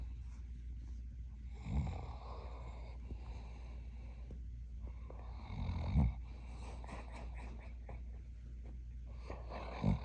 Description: My sweet Smooth Collie snore barking in his sleep.